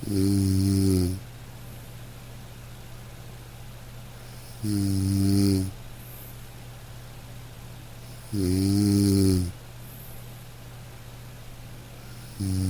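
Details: Sleeping dog: soft, regular, low buzzing snores at about 16 a minute over steady rain-like noise; ordinary gentle snoring.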